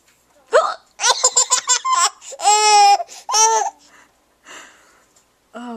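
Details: 6-month-old baby laughing in bursts at his mother's hiccups, with brief sharp hiccup-like catches between the laughs; hiccups.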